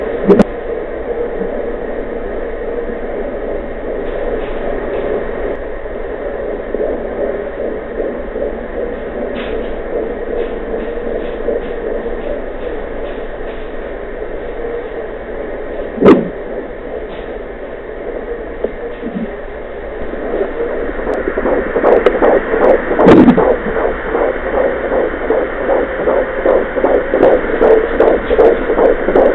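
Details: Fetal heartbeat at 14 weeks of pregnancy on a home Mommydop fetal Doppler: fast whooshing beats at about 150 per minute, clearer in the last seconds.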